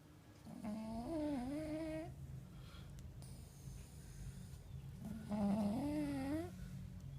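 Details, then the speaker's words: Snoring in a sleeping pugalier dog, described as not dead but snoring: two loud, tonal, rattling snores over a steady low rumble. "yeah he's not dead he's snoring"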